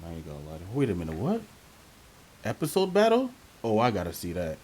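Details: Adult man speaking; normal voice.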